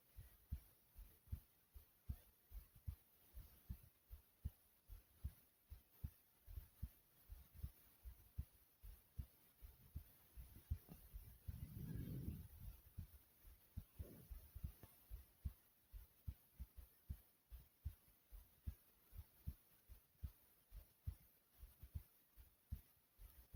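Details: Own heartbeat recorded: steady, deep, thumpy heartbeats at a slow, unhurried pace, with a brief rustle partway through; slow heartbeat.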